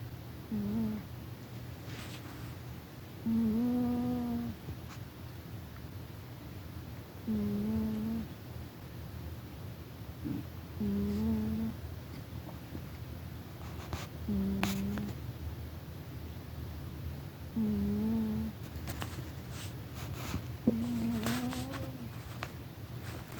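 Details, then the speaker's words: Pet cat sleeping loudly: soft, humming, low-pitched snores about 17 per minute, a harmless normal finding; snoring. "my cat, Rufus, snoring."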